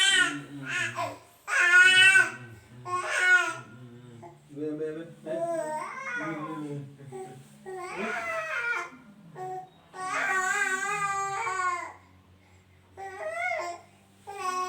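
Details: Baby crying until coughing, which the uploader calls normal and not worrying for parents: long wailing cry bursts with fussy whimpers and breaths between them, in a small room.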